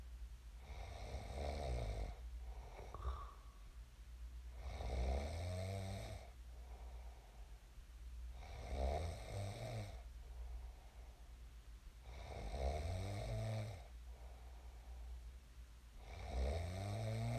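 Loud, rough snores on each breath, about 16 a minute, with quieter breathing between them: ordinary sleep snoring.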